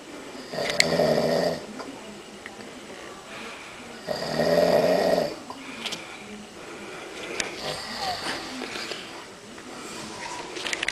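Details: Adult man snoring in sleep: two long, rumbling, fluttering breaths in about three seconds apart, with quieter breathing between; loud snoring.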